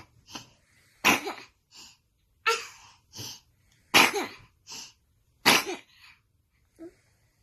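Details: Baby who sneezes every morning: a rapid series of about a dozen short, explosive sneezes in quick succession in a small room.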